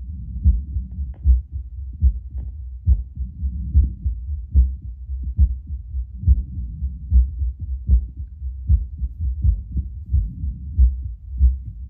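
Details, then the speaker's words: Adult's heartbeat about two minutes after drinking espresso, via a Bluetooth Littmann CORE stethoscope on a speaker: regular low thumps at about 71 bpm, rate little changed but beats sounding stronger. Normal heart sounds. "Sounds like my heart's just beating a little bit stronger. Also not sure how long it takes caffeine to like kick in."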